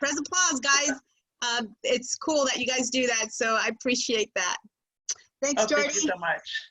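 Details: Adult woman; typical speech.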